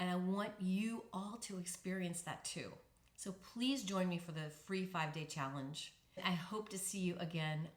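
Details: Adult woman speaking; fluent speech without voice disorder after recovery.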